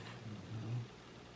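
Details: Cavapoo dog (poodle–spaniel cross) sleeping after a walk and his first swim in a river; a single soft, low rumbling breath swells and fades in a quiet room, a snore.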